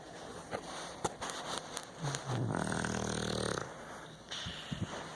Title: A snoring